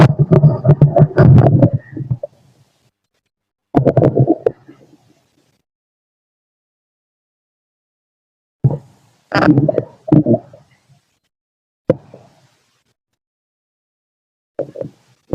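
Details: Male's stomach growling heard through a stethoscope: irregular low gurgling and rumbling bursts separated by silences, normal bowel sounds (borborygmi) from digestion.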